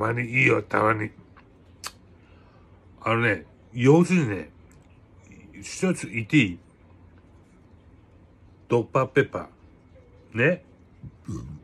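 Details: Aphasia following a cerebral hemorrhage, with hemiparesis; conversational speech with word-finding and articulation errors.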